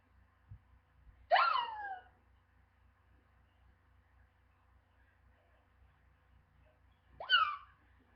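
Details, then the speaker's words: Two loud, abrupt voiced gulps with a sharp rising squeak, about six seconds apart, over low background hum: real, ongoing, painful hiccups echoing in a house. "The worst hiccups ever. And they hurt. They hurt my ears."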